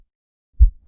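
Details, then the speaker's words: Objective pulsatile tinnitus in an adult woman, heard over the mastoid bone: a low, soft, heartbeat-synchronous thump with a brief whoosh, from turbulent blood flow near the inner ear; loud enough to wake her and audible to others. "pulsatile tinitus what it is is abnormal blood flow or turbulent blood flow next to the inner ear structures and that sound is being transmitted and you're hearing this usually it's a whoosh"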